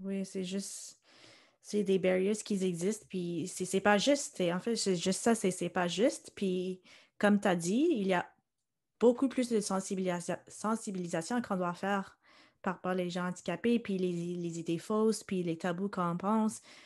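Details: Adult woman speaking French; typical speech.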